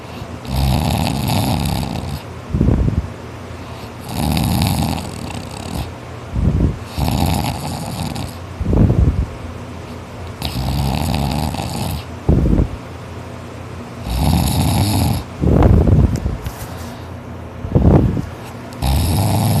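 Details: Boy asleep, tired after working extra hard, snoring loud and hard. Rough, rattling snores on each in-breath, about 21 breaths a minute, with quieter out-breaths between them.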